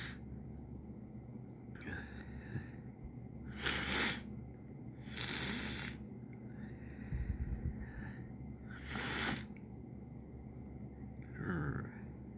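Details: Sneezes deliberately coaxed by tickling: sniffles and indrawn breaths, a half sneeze, then three forceful sneezes with low room noise and brief murmuring.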